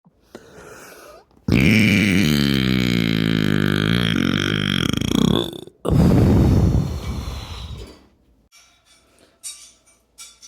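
Two long, loud, deliberate belches, the first drawn out with a rising and falling pitch, in a small quiet room.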